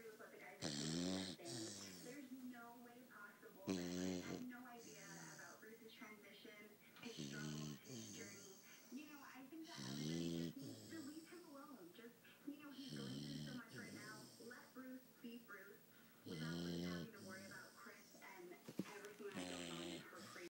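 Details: Sleeping puppy, soft irregular snoring with snuffly breaths, music or talk in the background: snoring.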